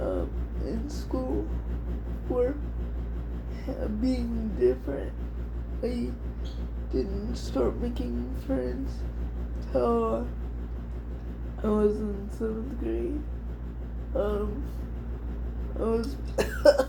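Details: Adult woman with cerebral palsy diagnosed at 6 months old, which she thinks is level 4 or 5; it affects her whole body, including her speech (somewhat) and hands; she also has dystonia; dysarthria (cerebral palsy).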